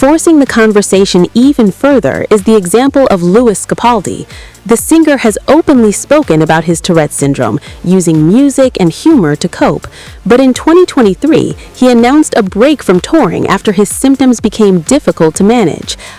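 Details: Adult narrator; Normal speech.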